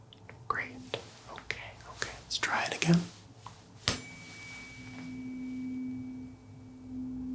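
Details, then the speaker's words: Simulated doctor-roleplay hearing test: soft taps and handling, then a tuning fork tuned to C is struck on the hand and rings with a steady pure tone while the patient is asked if they feel the vibration. "so i'm going to take this i'm going to hit it on my hand and it's going to vibrate in the tone of c so tell me if you can feel this"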